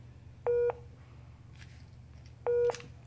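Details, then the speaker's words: Philips Efficia DFM100 defibrillator printer out-of-paper error after reloading a different type of paper: two short double-toned electronic alert beeps about two seconds apart over a low room hum. "Pero, i-error niya yan. Ayan. Guys, ayan guys, out of paper na naman siya."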